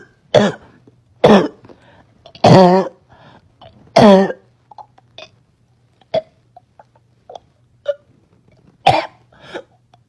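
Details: Girl with a terrible barking cough she couldn't stop: about five harsh, hoarse barking coughs with throat clearing and breaths between; barking cough.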